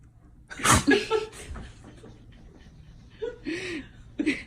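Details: Labrador dog sneezing: a sharp burst of air, then a few snorts, with people laughing nearby.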